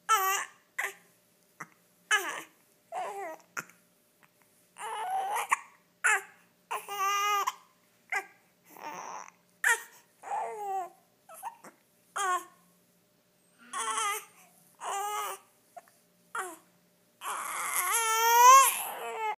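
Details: Infant during tummy time cooing and babbling, broken by short, abrupt hiccups repeating about every second.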